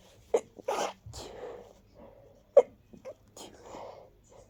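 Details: Two sharp, partly muffled, stuffy sneezes into tissues, with softer breaths and rustling between them, during a cold; sneezing.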